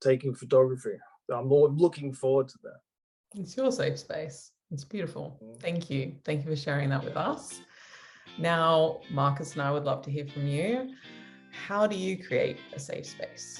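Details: Adult speaker; typical speech.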